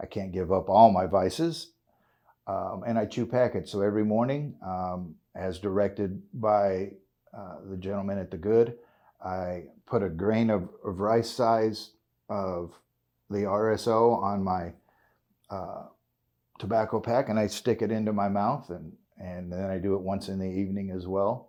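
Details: 56-year-old man with essential tremor, which he calls a form of Parkinson's, causing voice tremor, involuntary body jerks and hand and foot tremor, at times making talking very hard; tremors much worse off RSO cannabis oil; essential tremor with voice tremor.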